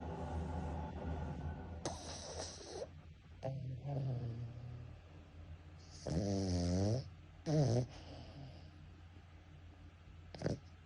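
Low rumbling snores with a few squeaky, whistling breaths and snorts in a quiet room from a sleeping dog; ordinary snoring.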